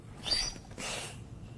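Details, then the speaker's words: Simulated cough from a pump-driven dummy, mouth filled with glycerin and water, in a university engineering lab measuring droplet travel: a short forced hiss-like burst, then a second airy puff. "inside this lab at Florida Atlantic University two engineering professors are measuring the power of a cough to one using a dummy"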